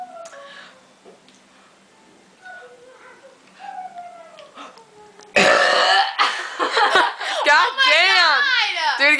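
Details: A girl doing a "burping trick" on cue in a quiet room: a sudden loud burp followed by bright vocal sounds and reacting voices.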